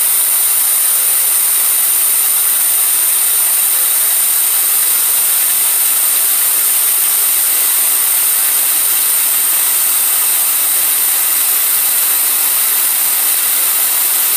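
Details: Home liquid oxygen demonstration fill: loud steady gaseous hiss as a portable unit fills from its base unit (C41/C1000) with the open tab held down; normal venting during filling.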